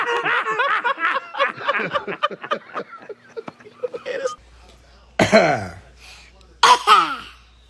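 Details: Toddler daughter imitating her father's cough: adult chatter and laughter, then two forced, playful coughs, not illness; imitated cough.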